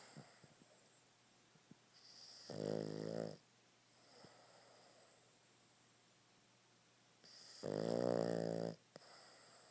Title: the snoring monster